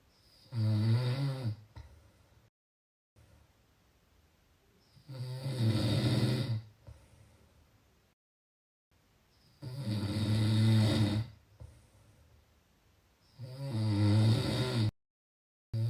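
Loud, rough, low-pitched snores on each in-breath, about 13 breaths a minute, with quiet exhalations between.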